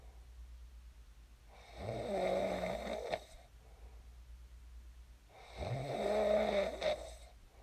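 Two rattling snores on in-breaths, about 16 breaths a minute, each ending in a brief snort, over low room hum.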